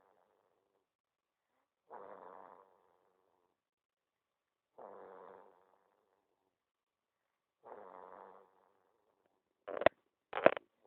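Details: Gentle snoring in a sleeping pet: three soft, buzzing snores about three seconds apart over silence, then two sharp knocks.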